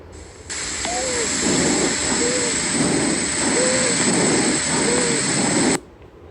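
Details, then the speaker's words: Monophonic wheeze: repeated breaths each carry a single high-pitched, hissing musical tone from small-airway obstruction at the bronchioles, a local bronchial obstruction such as a tumour, foreign body, stenosis or mucus plug. "V is a high pitch sound caused by hissing or sibilent quality which arises from a small airway obstruction at the level of the bronchules. We have two types of fees. Monophonic,"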